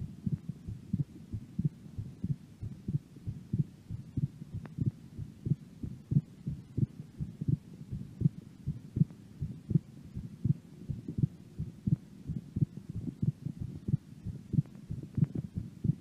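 Regular low heartbeat thumps at about 90 a minute, with no breath sounds over them.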